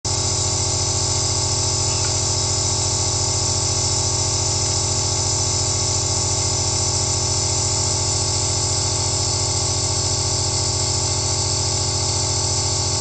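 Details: Steady mechanical hum with a fast motor buzz and airy hiss throughout from a compressor nebulizer (aerosol) running, recorded first-person for relaxation; nebulizer running.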